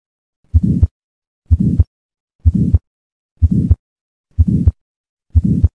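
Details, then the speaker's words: 2-year-old male with chronic hepatitis B and liver cirrhosis presenting with abdominal distension: regular heartbeat near 62 a minute with a soft, short systolic murmur, most likely an innocent flow murmur. "this is most likely an innocent murmur flow murmur are also referred to as innocent physiologic and benign murmurs they are the most common form of systolic murmur"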